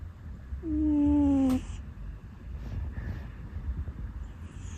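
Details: A sleeping rescue cat that habitually makes "puu" sounds in its sleep gives a single squeaky, whistling puu lasting about a second, then quiet breathing and faint room noise: ordinary snoring.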